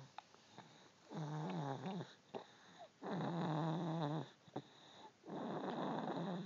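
Three rhythmic, low, buzzing snores from a sleeping cat, each lasting about a second, with quiet pauses between them: ordinary snoring.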